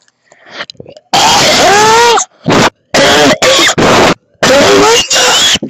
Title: coughing loudly